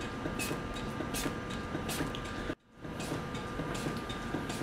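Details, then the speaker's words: Intra-aortic balloon pump (Maquet CardioSave Hybrid) in a training demonstration, pumping in Auto mode after auto-calibration: steady rhythmic mechanical whooshes and clicks, roughly 80 a minute, with a brief dropout. "all right and here we go now that the balloons pumping we can see the augmentation in this lower trace"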